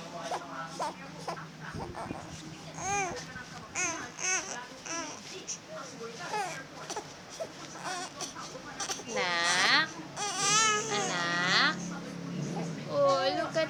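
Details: Baby at home after his 5-in-1 vaccine and RotaTeq, thought to be in pain from the injection: bursts of high wavering crying with whimpers, adult voice in background; distressed infant cry after vaccination.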